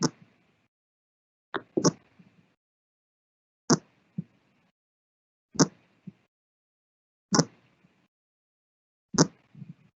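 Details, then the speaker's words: Resting horse, recorded heart sounds: slow, regular paired thumps about 36 beats per minute (9–10 beats counted in 15 seconds); normal heart rate for a horse at rest. "uh and so we're going to multiply that by four and that will give us our heart rate so 36 normal heart rate for a horse at rest"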